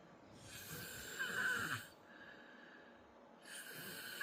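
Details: Person snoring after work: a loud rasping snore on the in-breath, a quieter pause, then the next snore starting; ordinary snoring.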